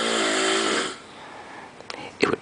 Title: Snoring monster